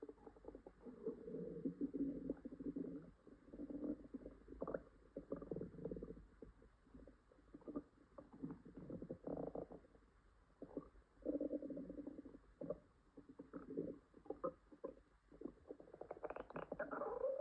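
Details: Female upset stomach with stomach ache and possible diarrhea: long low gurgling, rumbling stomach growls in waves; loud borborygmi.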